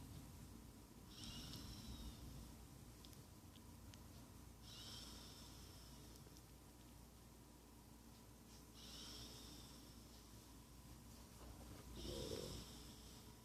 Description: Sleepy basset snoring